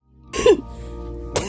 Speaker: that is what a cystic fibrosis coughing fit sounds like and sometimes it's longer sometimes it's worse